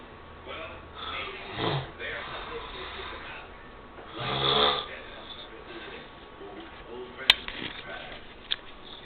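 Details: Adult snoring in sleep, rough rattling snores with quieter breathing between and faint room noise; ordinary snoring, partner reports waking several times a night.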